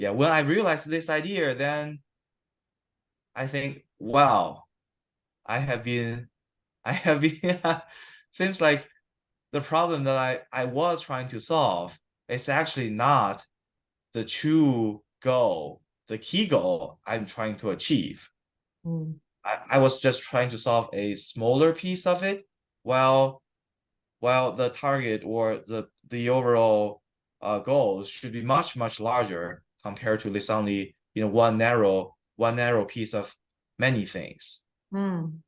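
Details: Adult man with stuttering, 7-8 weeks into stuttering therapy that has not used physical strategies or fluency control; he reports sometimes having severe stuttering in conversation; stuttering.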